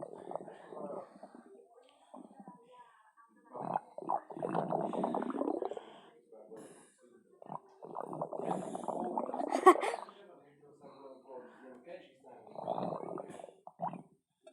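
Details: Quiet, intermittent gurgling and rumbling bursts over several seconds; stomach growling (borborygmi).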